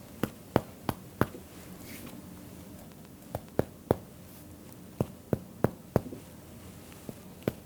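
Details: Normal resonant percussion note during a core physical exam chest section, educational demonstration.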